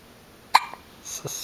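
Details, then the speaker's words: Hiccups, with milk withheld until they stop: two short, sharp, abrupt gulping sounds about three-quarters of a second apart. "skeptical. Okay, we'll wait a little bit until your hiccups go away."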